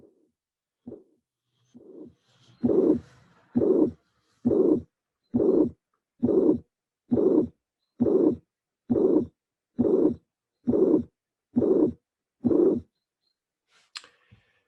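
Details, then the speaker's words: Teaching recording at the mitral area (apex): regular heartbeat near 67 per minute, clear first and second sounds, with a soft blowing systolic murmur, a good example of soft mitral regurgitation murmur. "please put in your brain that murmur because this is a a very good example of soft regurgitant mitral murmur"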